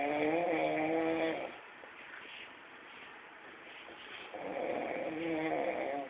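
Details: Person sleeping with loud snoring likened to a tractor engine: buzzing, tonal snores, each about a second and a half, separated by quiet breathing gaps, about 14 a minute; snoring.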